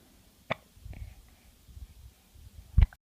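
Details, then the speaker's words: Baby girl with hiccups, said to hate them: two abrupt, short hiccup sounds about two seconds apart, with low handling noise between them. "Oh what else do you have to say oh now you have the hiccups oh you don't like hiccups huh Oh stupid hiccups it is ruined our day"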